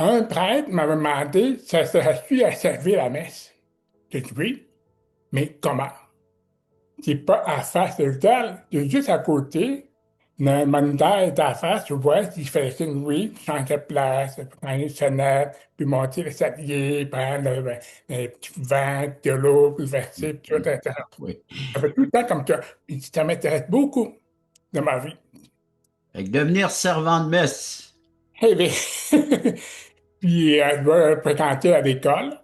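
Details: Adult man with severe-to-profound deafness since childhood who wears hearing aids and learned oral speech at a specialized institute by practising letters in front of a mirror; deaf speech (severe-to-profound hearing loss).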